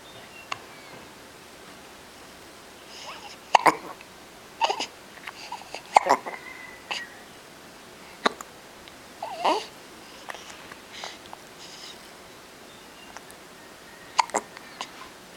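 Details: Baby hiccups in a quiet room: a series of brief, sharp, catchy bursts at irregular intervals, about eight in fifteen seconds.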